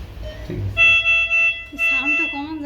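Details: Amoul T6 ventilator with tidal volume around 70 and low minute volume limit set at 1.5: measured 1.48 triggers a steady high-pitched electronic alarm in repeated bursts over room noise and speech. Low minute volume alarm.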